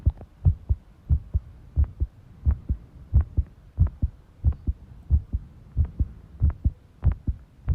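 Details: Heart sounds recorded while tidying a room, arrhythmia noted: loud low heartbeats about 90 a minute with uneven spacing between some beats; irregular rhythm.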